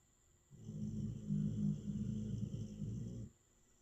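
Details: Dog getting her snore on: one long, low, fluttering rattle on a single breath lasting under three seconds; dog snoring.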